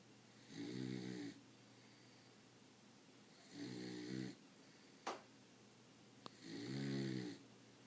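Regular buzzing snores on each in-breath, about 20 a minute, with quiet pauses between; ordinary snoring in a sleeping dog.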